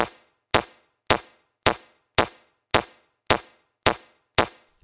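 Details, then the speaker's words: Mindray C-series AED training demo: sharp, regular metronome clicks at about 107 per minute pacing CPR chest compressions, 30 compressions then two rescue breaths; during COVID, continuing compressions without mouth-to-mouth is advised. "järgi metronoomi et teha 30 korda sdamemassaaži ja kaks suust suhuingamist"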